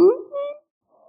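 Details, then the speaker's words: Stridor audio example: brief, harsh, high-pitched squawking breath sound from the throat, from narrowing of the larynx and trachea due to swelling from infection or blockage by an object. "so what causes this sound well it's occurring because there's narrowing of the larynx and the trachea from swelling due to some type of infection or blockage from an object"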